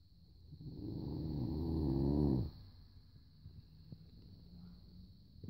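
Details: Sleeping Rhodesian Ridgeback dog: a single loud, low, rattling breath that builds and stops abruptly, followed by quiet breathing; snoring.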